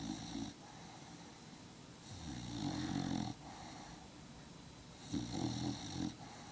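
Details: Rough, rattling snores in long drawn breaths from a dog sleeping in the owner's lap: snoring.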